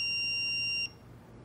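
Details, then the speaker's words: AED prompt tone in a slowed CPR training demonstration: a steady high electronic tone under a second, then room hiss, as the AED analyzes heart rhythm after about two minutes of CPR; stand clear, no shock advised. "when prompted by the aed stop cpr and look to see that everyone is clear and call stand clear no shock advised"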